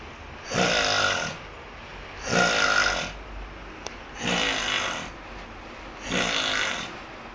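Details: A man snoring loudly in his sleep: four loud, rough snores at a steady pace, about eight breaths a minute, with quiet exhalations between; snoring.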